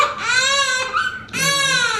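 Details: Newborn girl being dressed in her first outfit in hospital before going home; pediatrician said her breathing is fine, a little stuffy but normal. Loud, high-pitched crying in bursts with a brief catch between them and clear breathing: ordinary fussy newborn cry.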